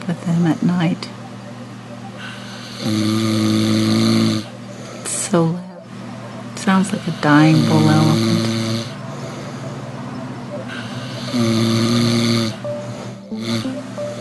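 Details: Georgie sleeping at night, snoring: loud, rough, droning snores recur with each breath in, with quieter breathing and vocal sounds between.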